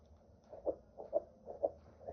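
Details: Fetal heartbeat on a SONOTRAX II fetal Doppler with a 2 MHz probe moved over gel on the abdomen: rapid, regular, galloping whoosh-thumps at about 125 beats a minute.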